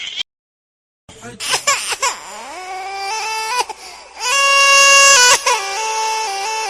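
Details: Infant crying, sound-effect recording: high-pitched wailing cry with rising and falling tones and short breaks between cries.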